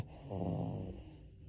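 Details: A sleeping French bulldog gives a single low, rattling snore on an in-breath.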